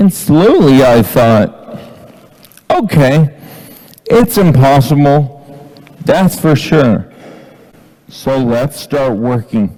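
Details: Ataxic dysarthria in an adult man with Friedreich's ataxia, diagnosed at age 17, reading aloud from his own book.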